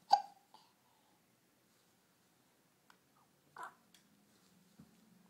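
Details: An infant has several sharp, brief hic sounds at irregular gaps over a few seconds in a quiet room, and he doesn't seem to mind: hiccups.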